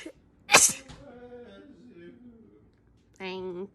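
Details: Woman's rapid sneezes, compilation: a single sharp explosive sneeze with a voiced tail, followed by a brief vocal sound.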